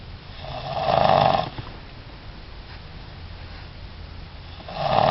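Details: Loud, rough snoring on the in-breath with quiet pauses between breaths; snoring in a sleeping child.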